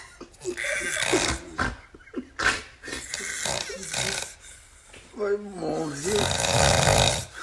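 Very loud, harsh, irregular snorting snores with rattling and groaning sounds from a sleeping man; heavy snoring.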